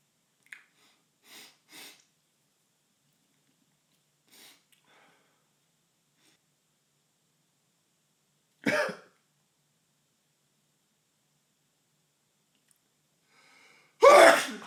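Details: Male with a tickly nose sneezing; soft sniffs and catching breaths building up to two sharp bursts, the last a loud sneeze, in a quiet room.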